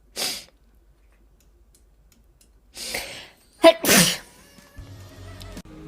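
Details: Young Chinese woman who says she suddenly developed rhinitis this year with a blocked nose: breathy intakes, then a sharp, explosive wet sneeze, soft music after; allergic sneezing.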